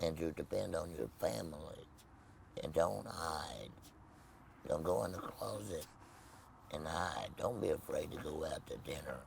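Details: Tracheoesophageal speech in an adult man after total laryngectomy with no voice box, speaking with a Provox voice prosthesis.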